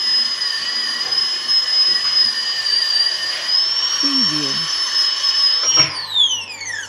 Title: Dental Drilling Sound Effects